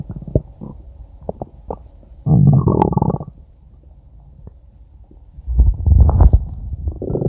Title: Stomach Growl 2